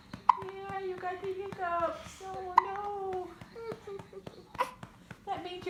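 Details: An infant's first hiccups: sharp, abrupt little gulps, about four in six seconds, with soft baby cooing between them.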